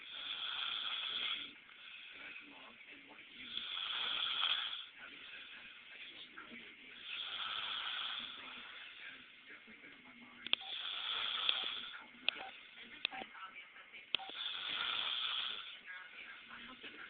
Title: snoring